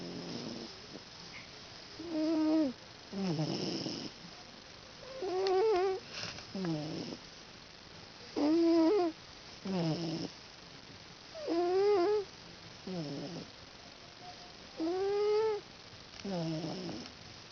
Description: The cat i room with, Lord Jersedo Huspyss Meowington I, passed out this evening and started to snore quite loudly.